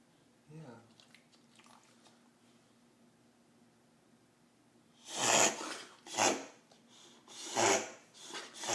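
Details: A white Boxer dog gives a run of loud, harsh snorting pulls of breath after a quiet start; the owners suspect something in her throat, and a vet later found her healthy: reverse sneeze.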